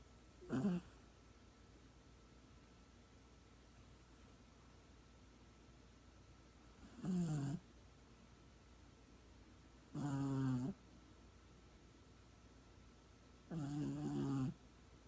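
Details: Chico, a sleeping dog, snoring loud: four snorting snores at irregular gaps, about 16 a minute, with a quiet room between breaths.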